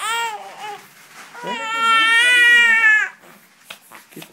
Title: Hd crying